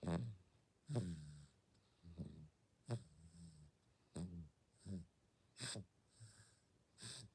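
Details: Six-month-old baby (day 194) snoring while asleep: soft, low snores in irregular breaths, about 18 breaths a minute, with brief snorts; infant snoring.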